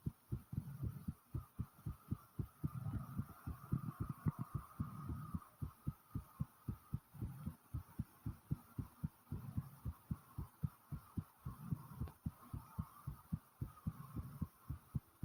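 Rapid, strong heartbeat with crisp low thumps at roughly 110 beats per minute after exertion.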